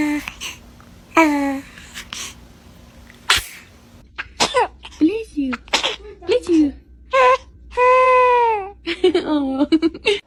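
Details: An infant sneezing repeatedly, then giving short, high-pitched whimpers and fussy cries, with a sharp snort or sneeze between them.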